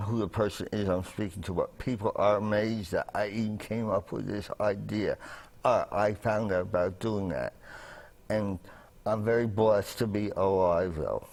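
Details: Adult man with dysphonia from a voice box damaged by a trach tube a medic inserted en route to hospital after a 1981 fire; he also had a traumatic brain injury and coma and relearned to speak.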